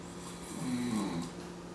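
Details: Father asleep, snoring: a single low, rattling snore lasting under a second over steady room noise.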